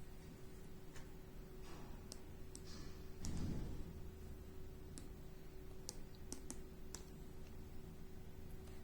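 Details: Several sharp clicks and short beeps from keypad presses over a steady electrical hum and room noise, while setting a bolus on a MedRena UniFusion SP50 Pro syringe pump; normal device operation.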